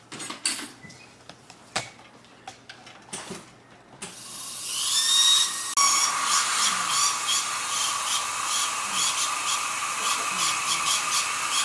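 Scattered clicks, then a rising high-pitched whine and steady grinding: a dental drill reshaping a crown to fit.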